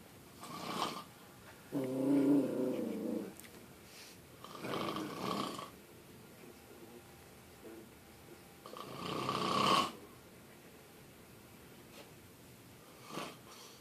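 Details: Grandfather snoring, heard upstairs through a shut door: four rough, rattling snoring breaths over about 14 seconds, separated by quiet pauses.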